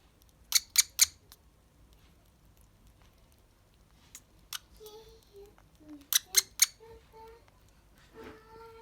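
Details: Unwell budgerigar that also has repeated sneezing and head-shaking vomiting. Sharp, high-pitched clicking coughs come in quick runs of three between soft chirps, an unfamiliar high-register cough unlike normal sneezes, which needs a vet.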